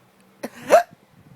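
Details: Hiccups at home after a night out drinking, while chatting before sleep: a single sudden, sharp, involuntary gulping hiccup with a brief rising squeak in a quiet room.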